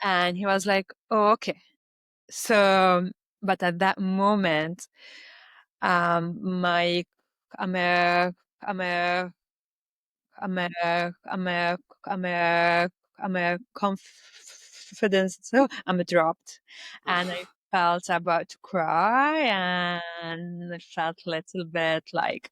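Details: Stuttering in an adult Lebanese woman who reports blocks and repetitions in her speech.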